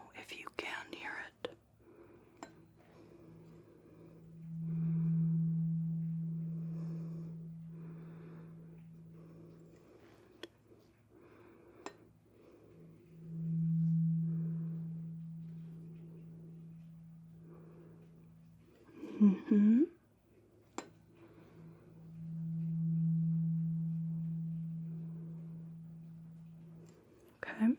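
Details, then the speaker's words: A 128 Hz tuning fork, the lowest of the set, is sounded during a simulated cranial nerve 8 hearing test in an ASMR medical roleplay; the tone may be hard to hear. "And We're going to start with the lowest toned fork now between the rain. And this being 128 hertz. It wouldn't surprise me if you can't hear it."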